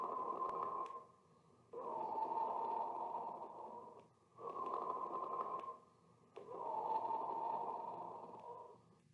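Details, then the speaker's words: Rough, grating creaks repeating with each breath phase: pleural friction rub, from inflamed pleural layers rubbing against each other. "But when these pleural layers become inflamed, they rub against each other, causing pain and a grating sound which is known as pleural friction rub."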